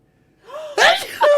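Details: Adult man's sneeze provoked by tickling the nose: rising, drawn-out inhaled build-up, then a high, squeaky sneeze burst and a second short sneeze-like release.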